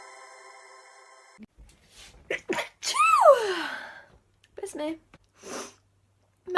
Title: Cute Girl Sneezing 73